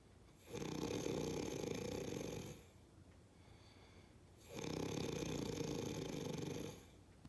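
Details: Two long, harsh, raspy snores of about two seconds each, separated by quiet pauses; loud snoring.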